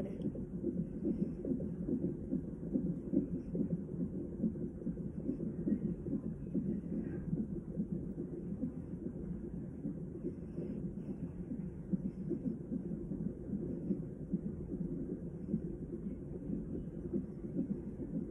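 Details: Fetal heartbeat on Doppler monitor, fast muffled rhythmic whooshing about 140 per minute with steady background noise, recorded around an emergency C-section of a first baby.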